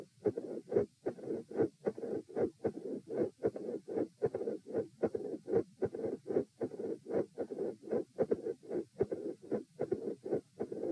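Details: Heart sounds recorded at position E, patient supine: regular heartbeat near 75 per minute with intermittently split S1 and a blowing mid-systolic murmur, plus an S2 murmur combination.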